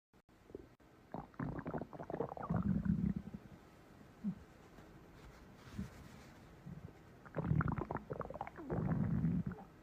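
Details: A person's own stomach growling: low, bubbling growls rising and fading in bursts, from gas and fluid moving through the gut: stomach rumbling.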